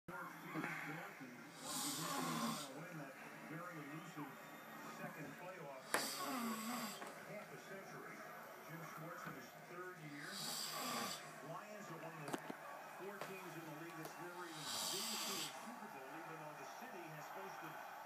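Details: Man snoring while supposedly watching football: loud, rough, rattling snores about 14 a minute, some with a whistling edge, over background noise; snoring.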